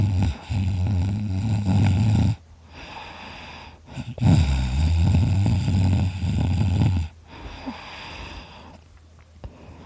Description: Me having a good nap dreaming about steak as I snore really loudly!